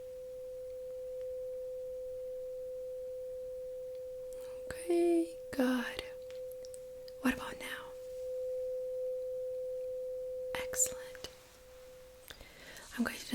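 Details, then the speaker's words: Simulated Rinne test in a role-play cranial nerve exam: a struck tuning fork placed behind the ear rings steadily for about twelve seconds, fading slowly, with soft handling and whispery noises. "What I'm going to do is I'm going to strike the tuning fork and create a vibration sound. I'm going to put it right here behind your ear and I'm going to need you to tell me when you don't feel the vibration anymore."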